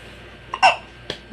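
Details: Baby hiccups: two short, sharp hiccup sounds about half a second apart, an ordinary harmless hiccup episode.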